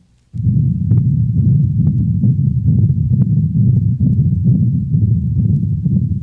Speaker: this distinctive continuous murmur is best heard at the level of the aortic and pulmonic valves only a systolic murmur may be heard over the mitral and tricuspid valves listen to the continuous machinery murmur of a patent ductus recorded at the cranial thoracic wall of a dog